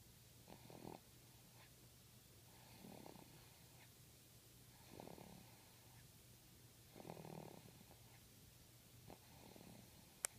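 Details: Soft, rhythmic rasping snoring breaths about every two seconds over faint room hum; quiet snoring.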